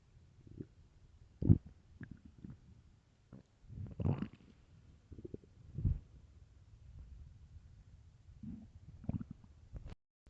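Quiet, irregular low gurgles, groans and squelches from the belly: stomach growling of a hungry stomach.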